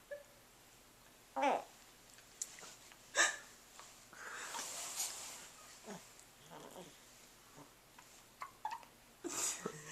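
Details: Hiccups, recorded July 30, 2010: short, sharp nasal snort-like catches at irregular intervals against a quiet room.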